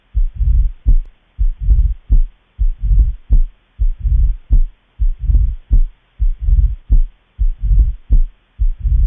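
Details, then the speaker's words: Mitral stenosis: slow regular beat at about 50 a minute, loud first sound, opening snap, then a low rumbling mid-diastolic murmur that grows louder late in diastole. "it is a low-pitched rumbling mid-diastolic murmur loud first heart sound is a typical finding of mitral stenosis murmur best hurt in apex and becomes louder in at the end of the diastole"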